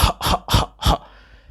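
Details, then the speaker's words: Four short, sharp deliberate coughs in quick succession, then quiet; a voluntary demonstration cough recorded for a TinyML cough detector running on an Arduino Nano RP2040 Connect (Edge Impulse model). "if I cough then I will expect you to see the inference uh detecting a cough so this is how I do it recording"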